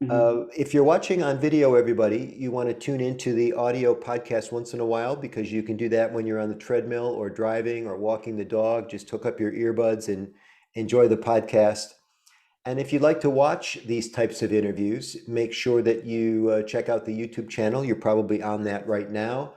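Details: Adult man; Normal speech.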